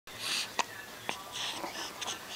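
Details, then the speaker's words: Baby boy with hiccups while trying to smile: three brief, sharp hiccup clicks over a few seconds against faint room noise and soft breathing. "get the hiccups huh do you have the hiccups you have the hiccups you have the hiccups but you're still trying to smile"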